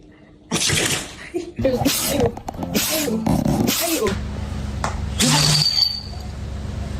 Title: Dogs sneeze #dog #animals #funny